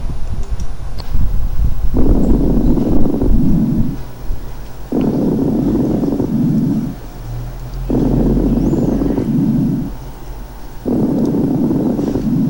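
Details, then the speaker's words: Coarse (medium-bubble) crackles, predominantly inspiratory, louder than fine crackles, with a trailing tail of bubbles at end-expiration; loud bubbling on chest auscultation. "fíjense como son predominantemente inspiratorio es como les dije ahorita sin embargo si le ponen atención al final de la expiración se escucha como una estela como una colita de burbujas"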